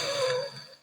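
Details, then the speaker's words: Adult still recovering lungs after an illness a couple of days earlier, worried about an asthma attack: a single short breath with a rough, faintly whistling raspy edge. Raspy breathing. "don't know if you can hear that raspiness but I just don't want to end up having an asthma attack on the street so taking a rest day today"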